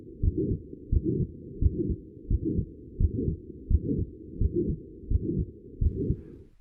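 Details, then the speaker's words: Crescendo-decrescendo midsystolic murmur of aortic stenosis, harsh, regular rhythm near 86/min; begins after S1 and stops before S2, with brief audible gaps between murmur and heart sounds, especially just before S2. "the crescendo decrescendo murmur of aortic stenosis begins after s1 and stops before s2 brief gaps are audible between the murmur and the heart sounds listen carefully for the gap just before s2"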